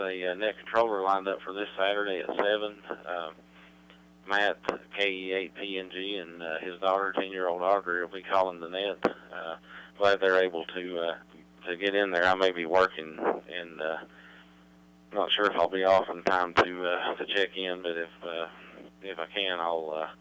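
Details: Adult man speaking over radio; normal voice.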